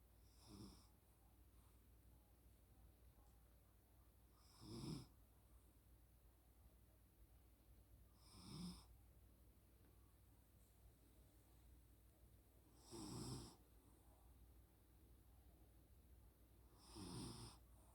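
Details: Soft, regular snores from a sleeping pet, about fifteen per minute, in a quiet room.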